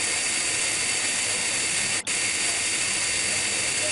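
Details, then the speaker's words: High-speed dental handpiece with 1 mm round bur held perpendicular to the occlusal plane, cutting depth holes of 1.5–2 mm at the fossae of a mandibular first molar for a Class I amalgam cavity preparation; steady whine and hiss, brief pause. "the B is put perpendicular to the oclusal plane at the depth of the fory the depth of the cavity should be 1.5 mm to 2 mm"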